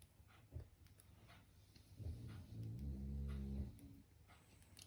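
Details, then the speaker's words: Low, rumbling snores from four sleeping French bulldogs in the background, with a brief snort and a longer buzzing snore. "if you can hear snoring i've got four french bulldogs that won't uh be quiet so yeah we're all asleep at the moment"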